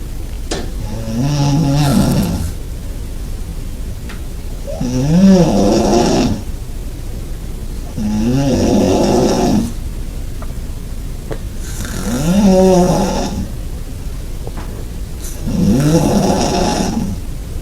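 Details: Person snoring loudly in a shared bed, recorded about 20 cm away: loud, rumbling, vibrating snores on each breath, about 17 a minute, alternating with quieter exhalations; heavy snoring.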